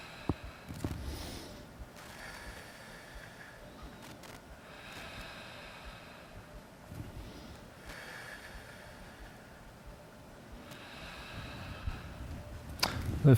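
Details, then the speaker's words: Normal vesicular breath sounds: soft, even breath sounds heard by stethoscope on the back during a chest examination demonstration, with the patient taking moderately deep breaths in and out through the mouth. "So we'll start have the patient breathe in and out through their mouth moderately deep breaths."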